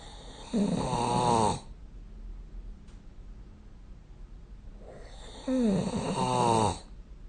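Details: Snoring during sleep recorded with the SnoreLab smartphone app: two loud, rattling snores about five seconds apart, each about a second long, with quiet between them.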